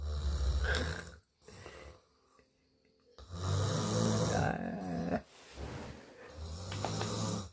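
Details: Low, rough, rattling breaths in long bursts with quiet gaps between; snoring.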